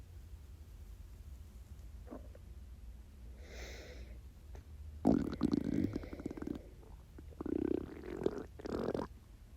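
Quiet hiss, then a few short gurgling stomach rumbles; ordinary hunger growling from an empty stomach.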